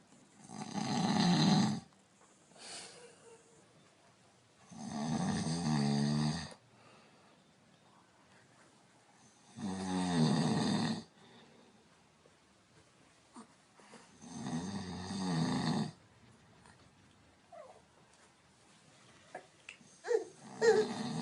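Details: Adult (dad) snoring in sleep, scaring a baby: loud rough snores at about 13 a minute with quiet pauses between; ordinary snoring.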